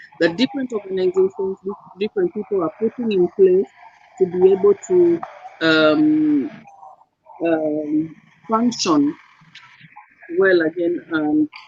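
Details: Dysarthric speech in a guest living with cerebral palsy.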